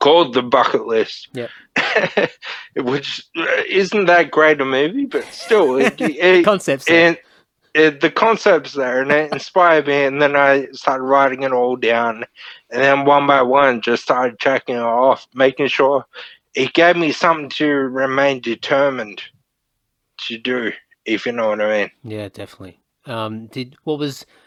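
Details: Ataxic dysarthria (slurred speech) from Friedreich's ataxia, a neurodegenerative disorder, in a 31-year-old man diagnosed at 14; he reports slurred speech and struggling with words as part of the disorder.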